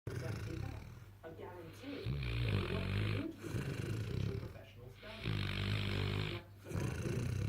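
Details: Sleeping St Bernard–mastiff cross puppy with tongue hanging out: loud, rattling low snores on each breath, with quiet gaps between them; snoring.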